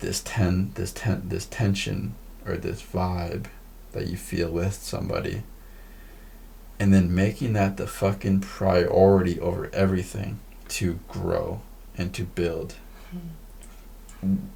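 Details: Male podcast host who stutters; repeated words and phrases; stuttering.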